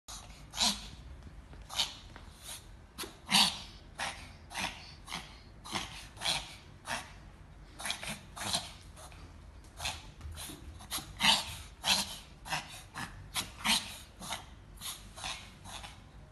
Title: Reverse sneezing puppy pomeranian (help!)